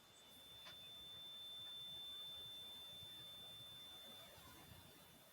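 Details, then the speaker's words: Simulation of constant 24-hour tinnitus in both ears, which the patient attributes to the Covid vaccine, with headaches and vertigo: a steady high-pitched ringing tone over faint hiss, imitating what the patient hears. "Et puis avec le temps, finalement, tout le monde se rend compte que c'est bien le vaccin qui a créé ça, et notamment des acouphènes, puisque au-delà des maux de tête, au-delà des vertiges, j'ai des acouphènes qui se sont installés 24 heures sur 24 dans les oreilles. J'ai un bruit qui ressemble à celui-ci."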